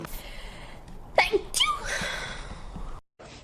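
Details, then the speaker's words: Sneeze after fighting it off for a while: a sharp indrawn breath, then one explosive sneeze with a voiced burst, in a small room. "bless you i could i was fighting that off for a while oh"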